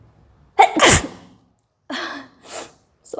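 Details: Sneezing during a sneezing challenge by a woman after trying green chilli: a sudden loud sneeze burst, then two softer sneezy breaths and the start of another sneeze.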